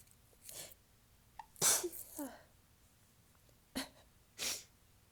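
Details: Soft, tickly, hissing sneezes with small voiced catches between them and talking, in a quiet room, starting less than 30 seconds after a previous recording ended; sneezer says recent sneezes are either very strong or super soft, and these soft ones don't hurt.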